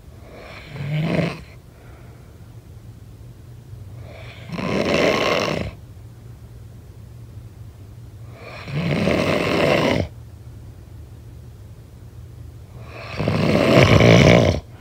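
Four drawn-out, rasping snores about every 4 seconds, roughly 14 a minute, over a steady low hum; continuous snoring.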